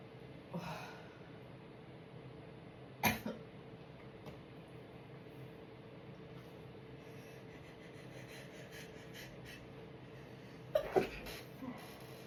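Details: Two separate sharp, explosive sneezes with an inhaled catch before each in a quiet room, the first sneezes of November, one a failed sneeze; triggered by inhaling too much sneezing powder, which also caused coughing.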